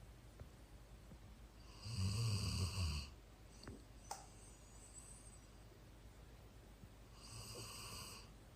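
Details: Low, rumbling snores on the in-breaths from a sleeping dog, with quieter breathing between them; the snoring has grown with age.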